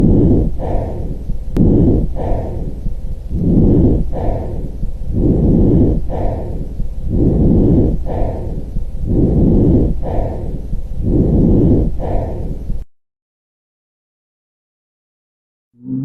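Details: Abnormal lung sounds on stethoscope auscultation, teaching clip covering crackles, wheezes and rhonchi: coarse, low-pitched breath sounds repeating in quick, rough cycles.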